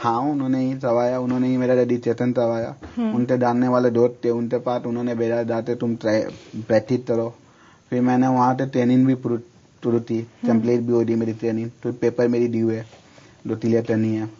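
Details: Adult man with unclear speech since childhood who cannot produce the 'r' sound, substituting 'l' or 'y', and who later underwent speech therapy; speech sound disorder (misarticulation).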